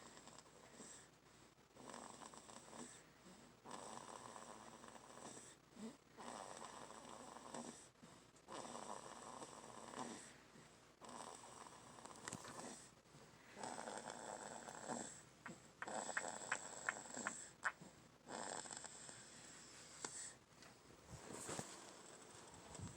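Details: Sleeping dog snoring: repeated snuffling, wheezy snores, about 14 a minute, with a few squeaky whistles.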